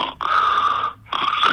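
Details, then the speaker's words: Imitation of snoring with obstructive sleep apnea by an adult voice: two rough, noisy, typically inspiratory snore-like breaths with a brief pause, from airway obstruction between nose tip and vocal cords. "Pero entonces el ronquido típicamente es inspiratorio y se debe que a que hay una obstrucción en la vía respiratoria entre la punta de la nariz y las cuerdas vocales no más abajo"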